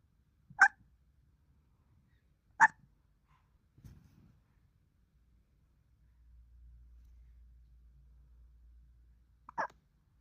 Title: Sleepy with a touch of the hiccups